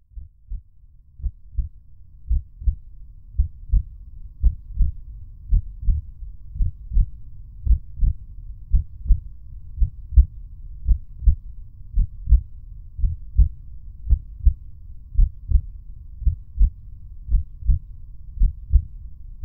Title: Bruit battement de coeur / Heartbeat sound / Suoni utero materno / Rumore del battito cardiaco